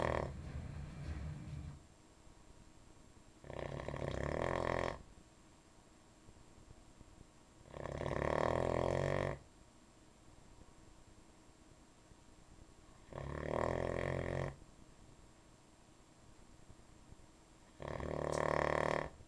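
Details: Nightly snoring heard every night: loud, rumbling, rattling snores about every four to five seconds, roughly 13 per minute, with quiet pauses between; snoring.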